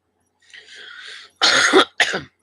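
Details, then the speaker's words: Cough in a person in their 50s who started coughing that day, during a morning chat: a brief throat-clearing breath followed by two sharp coughs. "Excuse me, man. Just got the coughing today."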